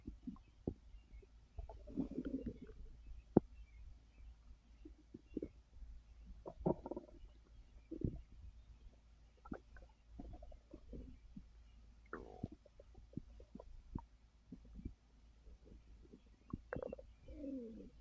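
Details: Resting on a full stomach after overeating following a gummy: irregular gurgles, squeaks and low rumbles, active bowel sounds (borborygmi) of digestion.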